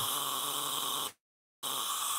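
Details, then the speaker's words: Live single-tooth dental implant surgery on an adult male patient: the continuous hissing whir of the implant drill with water spray, briefly stopping and restarting. "Oh little bit of sound only because we've got the dual drilling here and some water"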